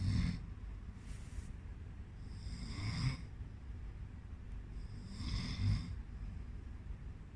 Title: "Snoring"